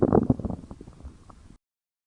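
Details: Stomach growling (borborygmi): a burst of low gurgling and bubbling rumbles that fades over about a second and a half.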